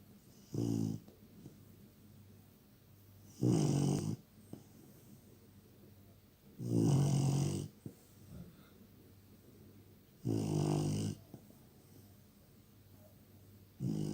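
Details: Loud, rough snores recurring every three to four seconds, about 17 a minute, with quiet pauses between; regular snoring during sleep.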